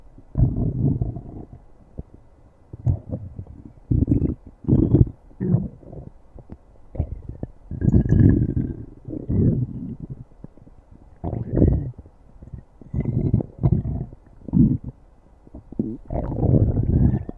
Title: stomach growling